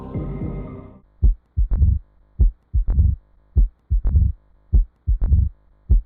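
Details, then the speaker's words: Mid-diastolic murmur with opening snap (mitral stenosis), heart sounds from a self-test recording: slow regular heartbeat with a sharp early diastolic snap followed by a low rumbling murmur. "the correct answer is mid-diastolic murmur with an opening snap congratulations to those who got that answer correct"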